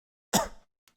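A single abrupt, harsh cough burst with no rattle, consistent with a dry cough.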